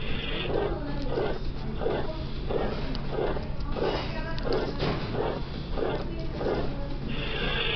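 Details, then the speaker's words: Harsh systolic crescendo-decrescendo murmur repeating with each beat at about 90 a minute; aortic stenosis. "Now what about the pitch? It's kind of hard to say what the pitch is. It has harsh. Therefore, which value of the disease is likely responsible for this number? Aortic stenosis."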